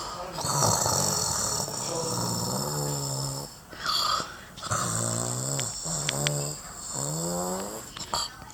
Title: #SNORING SANTA #SLEEPING SANTA